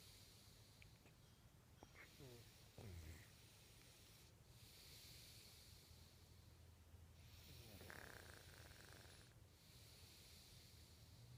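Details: Snoring recorded in 2014: soft, low snoring breaths with snorts and squeaky catches, under a steady background hiss.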